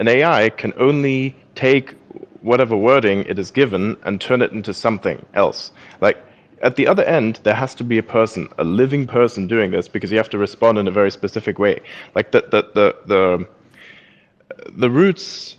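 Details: Male speaker who reports small, involuntary speech impediments; stuttering.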